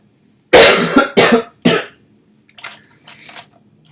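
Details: Adult streamer coughing repeatedly during a live coding stream: three strong, harsh coughs in quick succession, then a softer throat clear; a bout of repeated coughing.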